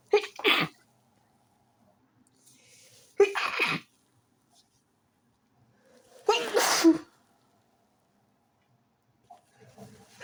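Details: Three loud sneezes in quick succession over about seven seconds with quiet breaths between, from a person in bed trying to sleep early whose fit began after turning onto the other side; sneezing fit.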